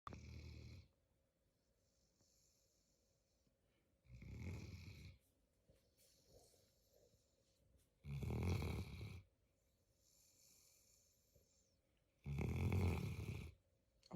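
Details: 5-month-old female mantle Great Dane puppy snoring loudly in sleep: regular low rumbling snores about every four seconds with soft whistling breaths between, roughly 14 a minute.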